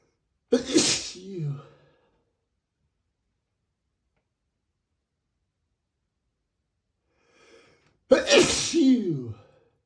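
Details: Two forceful explosive spray sneezes from a male, several seconds apart, each a sharp burst with trailing breath sound; ordinary sneezing.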